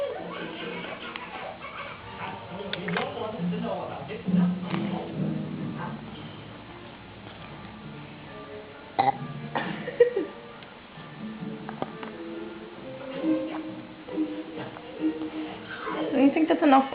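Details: Several loud, drawn-out burps from a child after drinking Coke, prompted to drink more and produce a big one, amid talk, counting and background music.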